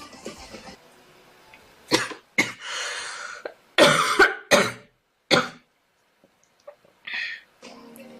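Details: Girl coughing: about six short, harsh coughs with throat clearing, some in quick pairs, separated by quiet breaths; a child's cough.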